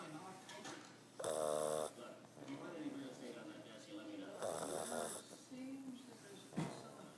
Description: My sister's pug Nacho snores like a big man!!!... SO LOUD!!!